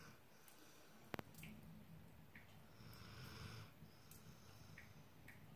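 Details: Soft, quiet, low rumbling snores with nasal sounds while sleeping by a fire, with its crackles and pops in the background.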